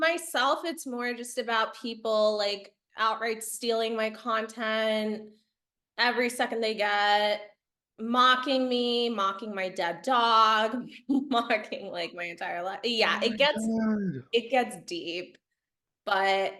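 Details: Adult woman speaking; normal speech.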